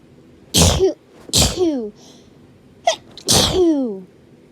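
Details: Three loud, explosive sneezes, each preceded by a short intake of breath, in a quiet room; repeated hay fever sneezing from a compilation filmed over 3-4 days.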